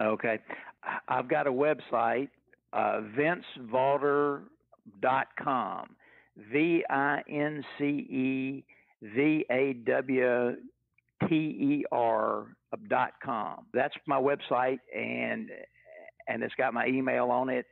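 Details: Older adult man, retired after a 40-year career and raised in the 1950s, who has stuttered all his life since he began talking; speech therapy and family history are discussed; real, not acted; stuttering.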